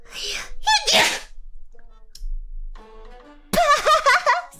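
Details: A single sneeze from a VTuber streamer, captured during a stream.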